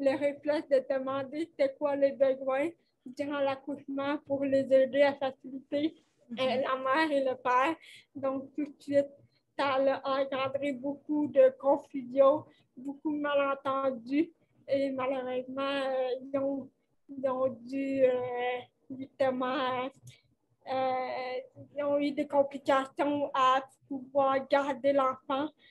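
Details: 29-year-old woman with cerebral palsy caused by lack of oxygen at birth, speaking French in an interview; she appears to mention speech difficulties; finding: dysarthria (cerebral palsy).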